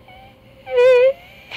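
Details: Woman with vocal fold swellings that touch, singing a note; each attempt starts with a delayed onset and breathy air leak before the note sounds, consistent with delayed phonatory onset from vocal fold swellings.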